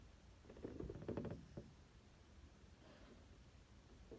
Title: Trying to stifle strong sneezes + final nose blow